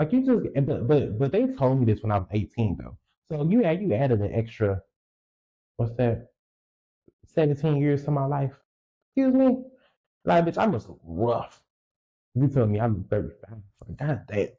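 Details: Stuttering in an adult male podcaster who reports a lifelong speech impediment, real unedited speech.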